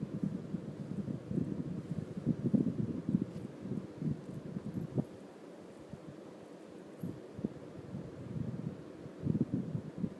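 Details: Stomach growling in a person digesting 4 sodas and 2 slices of cake. Irregular low gurgling and rumbling from the belly with a brief quiet pause; bowel sounds.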